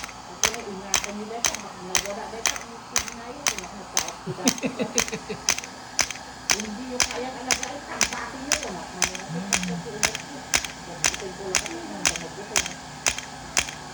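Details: Integrative shockwave therapy for pain at the back of the knee (popliteal area), 3 Hz/90 mJ x 1,000 shocks: sharp regular clicks at about one per second from the handpiece, with faint talk in the background.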